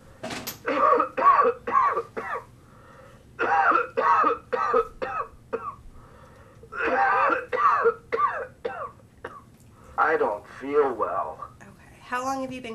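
Repeated bouts of harsh, throaty coughing from a simulated adult patient, in clusters of several coughs each.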